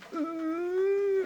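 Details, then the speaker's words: Adult imitates the sound of someone trying to scream during sleep paralysis: a steady, strained, closed-mouth moan lasting about a second. Outwardly only this muffled sound is heard while the person is screaming inside. "Vraiment quand il y a des personnes qui font une paralysie du sommeil, vous êtes à côté d'elle, vous la voyez juste comme ça et vous l'entendez faire comme ça. À l'intérieur, elle est en train de hurler."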